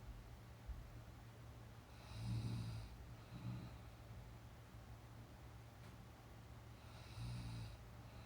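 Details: Young woman napping, real sound: soft, low rumbling snores with each breath in, about three over eight seconds, against steady background hiss; snoring.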